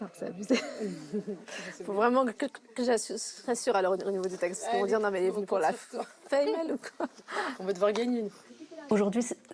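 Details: Adult French woman, a triathlete, stuttering since early childhood, with particular difficulty on the letter R, certain numbers, syllables and consonants; real, not acted; stuttering.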